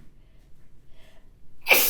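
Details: Sneezing while reading aloud in Japanese: a quiet pause with a faint intake of breath, then one sharp, hissing sneeze burst.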